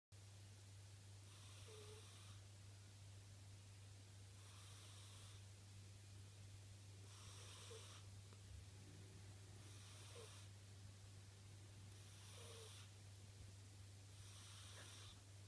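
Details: Soft, regular snoring breaths, about six in fifteen seconds, with a faint squeak on each breath, over a steady background hum; snoring.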